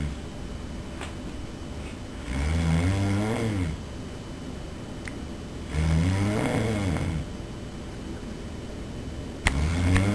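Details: Person snoring, secretly filmed by roommate: loud, rattling snores on each in-breath, about one every three and a half seconds, with quiet breathing between; snoring.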